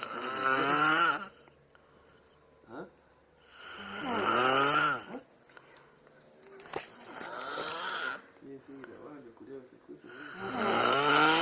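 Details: Man snoring loudly, joked to sound as if he were dying: loud, rattling snores on each in-breath, quieter breathing out between, with a harsh, strained quality. Snoring.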